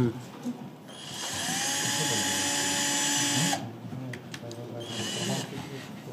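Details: Sustained high whining motor of a surgical drill for a few seconds, then stopping, with a shorter burst later, during a hands-on arthroscopic fixation workshop, around a Q-Fix anchor demonstration for shoulder instability.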